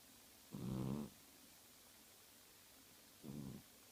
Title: Cat snoring and twitching in sleep